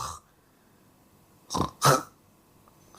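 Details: Two short, harsh bursts from the throat in a quiet room, a brief throat clearing, heard amid talk about snoring and upper airway obstruction.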